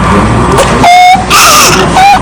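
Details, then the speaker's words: Child with congenital laryngeal web: high, squeaky, strained cry-like sounds with a strange cry alternating with harsh noisy breaths, biphasic stridor. "un llanto como extraño además de tener estribos Esta es la endoscopia de este niño tiene un web laríngeo congénito vestidor bifásico"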